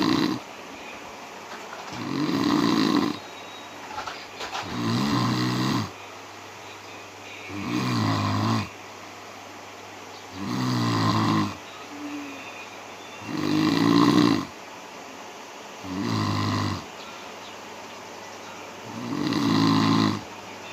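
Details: Sound-effect recording of snoring: steady rattling snores on each breath in, about 22 a minute, with quiet pauses between.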